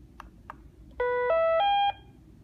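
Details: Two soft key clicks, then a rising three-tone electronic beep sequence from a B. Braun syringe pump keypad during operation.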